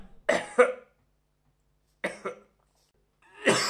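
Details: Adult man, acted sound-effect recording: about five short, harsh coughs in quick pairs.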